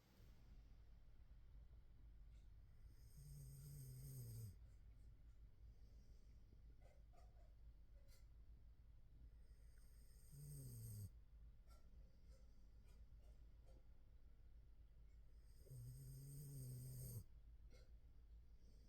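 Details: Barbie snoring softly about every six seconds, roughly ten breaths a minute, over the steady hum of a wave/white noise machine.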